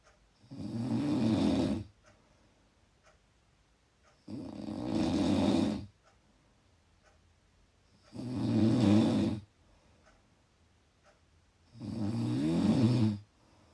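Loud rattling snores on each in-breath, about 16 a minute, with quiet pauses between.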